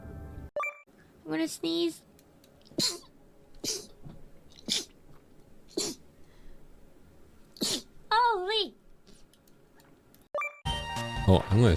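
A string of sharp, explosive sneezes, each with a quick breath in before it and quiet gaps between.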